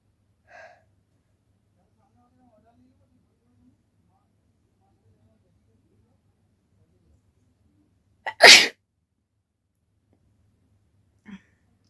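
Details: Sneeze deliberately induced with a folded piece of paper, without a handkerchief, during a sneezing challenge: a single sharp, explosive sneeze with a brief intake of breath just before it, in a quiet room.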